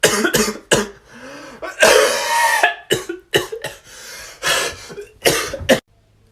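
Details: A simulated, acted cough in a comedy skit about someone coughing in class: a run of about nine harsh, forceful coughs in quick bursts, some longer and rougher.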